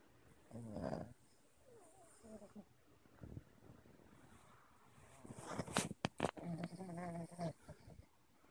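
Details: Dog Q.T snoring while asleep, possibly dreaming: irregular snorting, grumbling breaths with a few sharp snorts and throaty rumbles.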